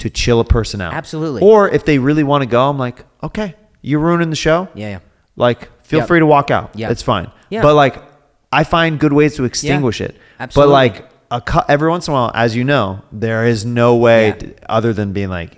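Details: Adult male speaker; conversational speech.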